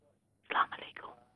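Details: Female caller with laryngitis whispering, barely audible; aphonia (whispered voice) from laryngitis.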